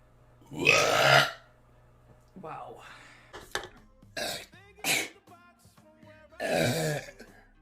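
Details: Female streamers burping: several loud, drawn-out belches mixed with brief speech and laughter, soft background music; ordinary burping.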